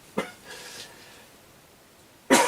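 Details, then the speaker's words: Two sharp, harsh cough bursts from an adult man recovering from a fairly severe lung infection, with a quiet breathy sound between them; he says he coughs a great deal. "Ouais, donc, je disais, je ressors d'une quand même assez grave infection pulmonaire. Et donc, du coup, pour le coup, bah, je tousse énormément. Voilà, des toux vraiment dégueulasses, ignobles, horribles."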